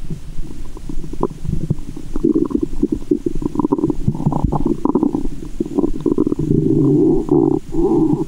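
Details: Loud, continuous gurgling and rumbling with sloshing, picked up by a GoPro and stethoscope in the belly button after candy and fizzy Japanese soda while belly waves are made; active, normal bowel sounds.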